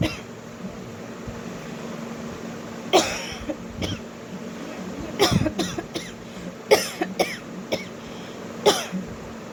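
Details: A woman coughing on purpose for a coughing challenge: around nine short, dry coughs, some in quick pairs, over a low steady hum.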